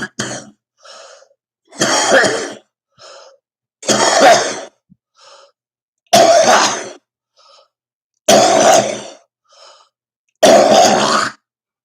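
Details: Adult woman who reports upper respiratory distress from dust, pollen and smoke, coughing repeatedly: about five harsh coughs roughly every two seconds, with short breaths between.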